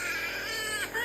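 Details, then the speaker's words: Brief, rough, strained cry with little voice from a young child during nebulizer treatment, throat described as hoarse and unable to cry properly; hoarse weak cry. "এই বাবা আওয়াজটা কিন্তু হচ্ছে না। গলা বসে গেছে তো, কাঁদতেও পারছে না বেচারা।"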